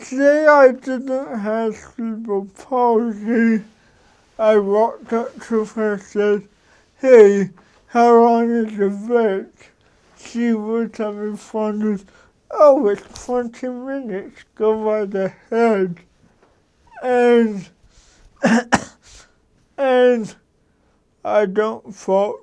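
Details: Dysarthria in an adult man who has lived with cerebral palsy for 53 years; he adjusts his speech so others can understand him.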